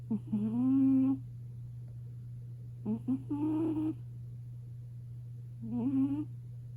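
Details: Sleeping British Shorthair cat, likely the 5-year-old female, snoring very loudly on a warm kotatsu: drawn-out, tonal, whining snores about a second long, roughly 20 per minute, over low room hum.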